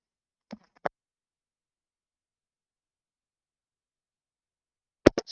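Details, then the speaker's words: A couple of faint sharp sounds, a few seconds of quiet, then a loud explosive adult sneeze during a live stream in a quiet room: sneeze. "me didn't want to hear that sneeze on stream obviously or in the video"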